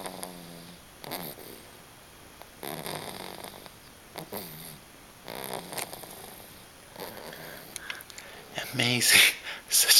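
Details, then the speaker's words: Three-month-old baby snoring: repeated soft, rattly, squeaky breaths in a regular rhythm, a few seconds apart, with a louder snort at the end. "this is sterling sleeping it's gonna be three months and two days listen to him snore"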